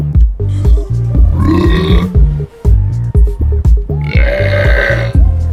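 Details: Loud, long burps run together from a compilation of TV commercials, with music and sound effects behind them: burping.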